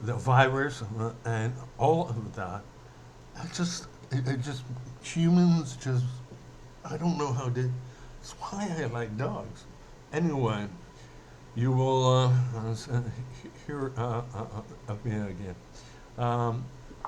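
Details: Adult male who says he mainly stutters when emotional, speaking emotionally here; stuttering.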